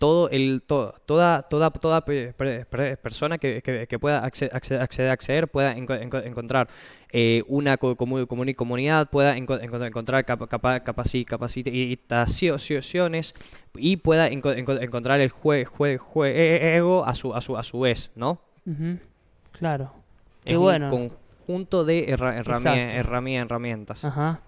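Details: Young man from San Juan, Argentina, speaking Spanish in a broadcast interview about an app he co-created for people who stutter; stuttering.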